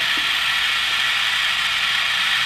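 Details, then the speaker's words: Continuous buzzing, rattling mechanical noise of a pulsed electromagnetic field (PEMF) therapy device running on the knee for early osteoarthritis, aimed at activating cartilage chondrocytes. "chondrocytes are the cartilage secreting cells and we're going to try to activate them with the pulsed emf again the noise it there"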